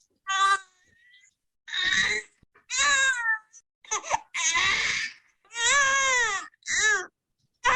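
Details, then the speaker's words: Infant colic (lower wind) cry per Dunstan Baby Language: repeated loud, strained screaming bursts with brief gasps, intense, as if constipated and stuck, in pain. "S as though the baby's a bit constipated and stuck it sounds yeah yeah now it's getting really intense as if to say help me"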